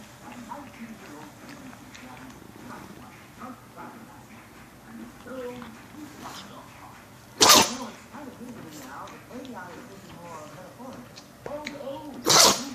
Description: Remi puppy sneezing Pekingese